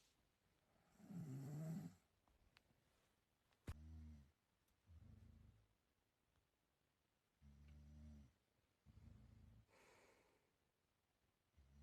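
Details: Person's own snoring during sleep: regular low, buzzing snores about every two seconds, with quiet breathing and faint room noise between.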